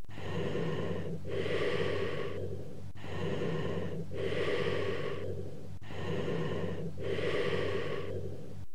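Loud, hollow breath sounds with a clear pause between breathing in and out: bronchial breathing, typical of lung consolidation.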